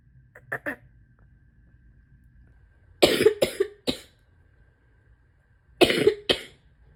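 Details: Loose, rattly, wet chesty coughs in two clusters of three or four bursts; self-recorded by a person with asthma, allergies and chronic bronchitis during a likely illness, cough worsening after days of throat tickle.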